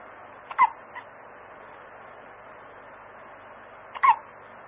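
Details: A newborn baby hiccuping while asleep: two brief, abrupt catching sounds about three and a half seconds apart over quiet room hiss.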